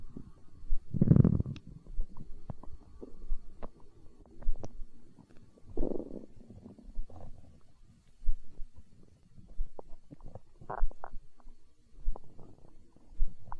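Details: Hunger stomach growling recorded for ASMR: low gurgling rumbles and small bubbling pops from the belly (borborygmi).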